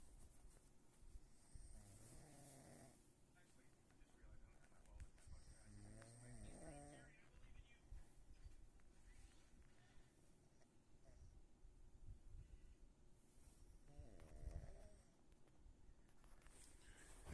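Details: Sleeping woman, who occasionally sleepwalks, still snoring after briefly acknowledging an attempt to roll her over: loud, rattling snores on the in-breath, each followed by a quiet pause, roughly every four seconds, about 15 breaths a minute.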